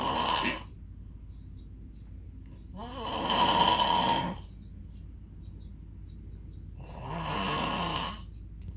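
Loud, buzzing snores on each in-breath with silent pauses between, about 14 breaths a minute; typical snoring with a vibrating, fluttery quality.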